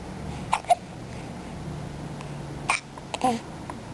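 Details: A 5-week-old baby girl with hiccups: four short, abrupt hiccup sounds over a few seconds against quiet room noise; hiccups.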